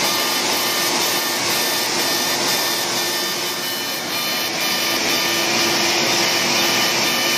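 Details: CO2 laser resurfacing, light single pass at about 40 millijoules and density 6, for fine lines and wrinkles: loud continuous suction hiss with fast regular faint ticks, about 130 a minute.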